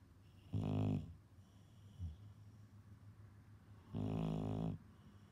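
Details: Loud snoring in a senior boxer dog, a daily occurrence: two loud, rough, buzzing snores about three seconds apart, with a faint snort between and quiet breathing throughout.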